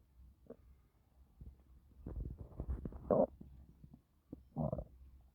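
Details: Stomach growling in a 5-months-pregnant woman doing housework who reports feeling very uncomfortable: low gurgling rumbles and bubbling squelches from the belly in a quiet room; borborygmi.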